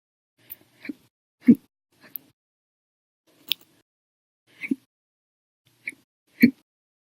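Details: Short, abrupt gulping clicks recurring about every second in quiet; loud, violent hiccups in an episode lasting 13 hours 34 minutes, starting after meals and a cup of soda after dinner.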